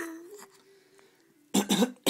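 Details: Voluntary, put-on adult cough from a father playing with his child: a faint steady hum, then two sharp deliberate coughs and the start of a third.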